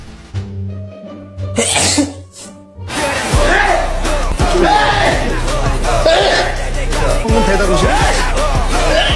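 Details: BTS member sneezes during a performance: one brief, sharp adult sneeze, partly masked by music and a noisy crowd.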